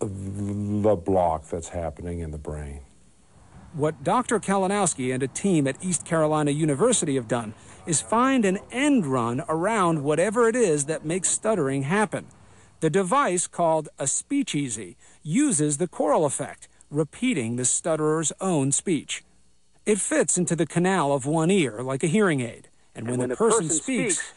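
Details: Adult male narrator; no speech disorder.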